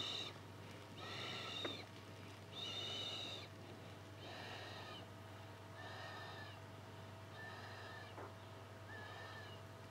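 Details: Snoring heard from someone lying in a gaming beanbag.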